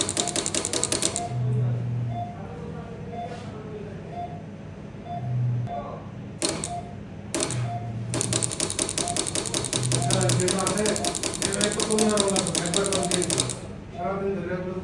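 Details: Man with sudden urinary retention and lower abdominal pain, with two stones in a ureterocele in the bladder: rapid mechanical tapping, about four per second, in bursts with pauses over music, as a piston-type lithotripter breaks the large stone.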